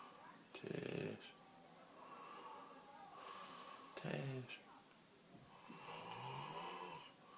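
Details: Snoring during sleep: three loud, rough, rattling snores about every three seconds, with faint room noise between them.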